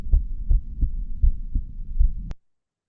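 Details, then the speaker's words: Normal heart sounds recorded with a digital stethoscope: regular low thumps at a fairly regular rate, with little background noise. "So, if I set everything up correctly, we're we're going to hear some heart sounds. This first recording is a clean example from a digital stethoscope."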